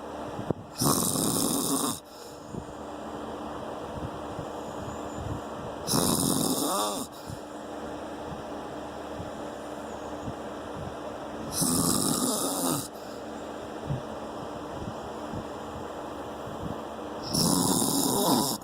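Four loud, harsh snores about every five to six seconds, roughly eleven a minute, with steady room hum between; snoring.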